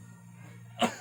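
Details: Coached effective cough exercise for an adult male patient, seated, hands on abdomen after deep breaths counted 1-2-3: a single strong, short cough burst after a quiet pause, low hum behind; effective cough to clear phlegm.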